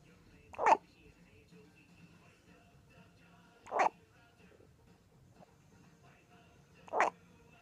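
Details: First hiccups: three brief, sharp, jerky sounds a few seconds apart, about 19 a minute, over quiet room noise; hiccups.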